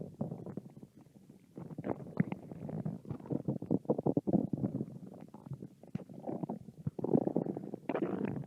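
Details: Two hungry American women's stomach growling: low, bubbling gurgles and rumbles with crackly bursts over several seconds; hunger bowel sounds.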